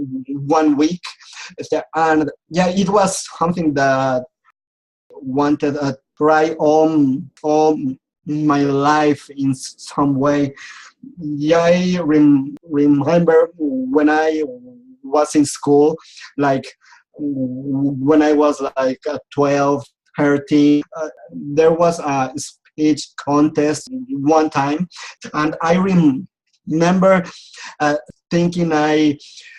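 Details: Adult male who has stuttered since age 4, attended speech therapy, and still clearly stutters; stuttering.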